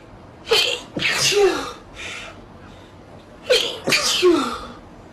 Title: Slo-Mo Sneezing Comp - FIND IN VIDEOS